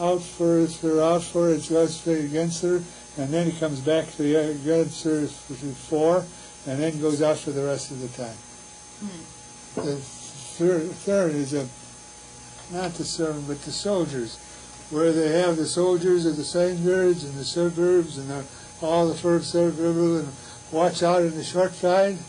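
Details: Patient with Wernicke's aphasia producing fluent speech lacking meaning; Wernicke's aphasia.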